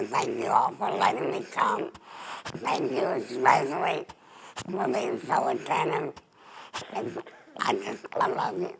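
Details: Adult woman, former smoker, with larynx removed for laryngeal cancer and a neck stoma: alaryngeal speech after total laryngectomy.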